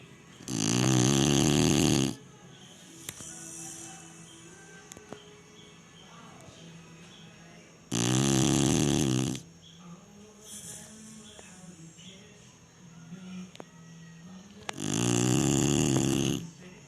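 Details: Chinese Shar-Pei dog snoring: three loud, rough, rumbling snores about seven seconds apart, with quiet music and room sound between them.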